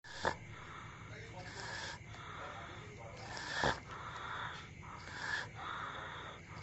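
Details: Soft, rough snorting breaths about every 1.5 seconds from a sleeping dog in a quiet room; dog snoring.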